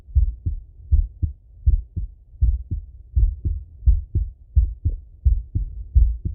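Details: Male heart auscultated with a stethoscope: clear regular lub-dub at about 86 beats a minute; normal heart sounds.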